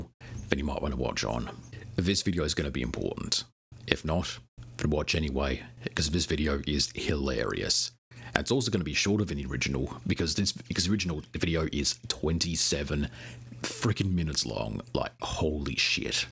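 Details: Adult male narrator; normal voice.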